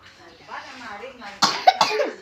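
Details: Soft voice sounds followed by three short, sharp coughs in quick succession from a child who seems unwell, possibly with an itchy throat; a child's cough.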